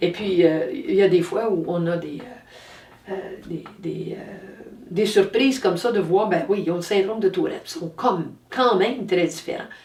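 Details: Adult woman speaking French; normal speech.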